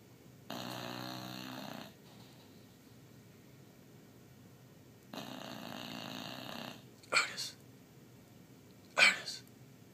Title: Otis the Bulldog Sleeps Hard (and snores hard!!!!)